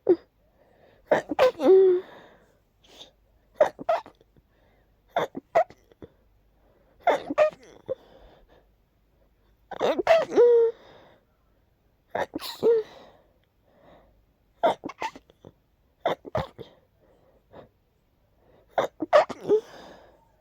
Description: That one sneeze was a little stuck but eventually the sneezes won 🤧